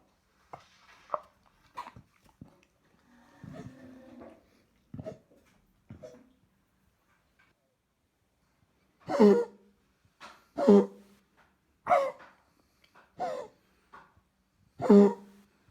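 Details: Vizsla dog with bronchitis following a cold or flu: soft hacks and retching/gagging sounds, then a run of about seven harsh coughs; dog now on antibiotics.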